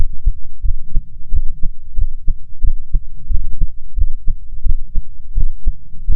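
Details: Own heart auscultated at four points through a stethoscope: steady low thumps of an adult heartbeat at about 90 a minute with faint background hum; heart sounds.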